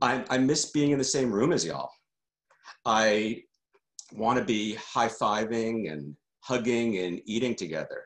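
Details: Adult man who stutters, a member of the stuttering community for decades: stuttering.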